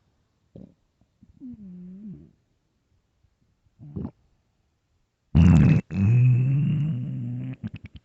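Scattered gurgles and a rising-falling groan, then a loud prolonged rumbling growl; hunger stomach growling, a normal bowel sound.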